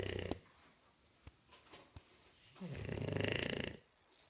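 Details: Sleeping bulldog snoring: rattling, fluttering snore on a breath, with quieter snuffles between breaths.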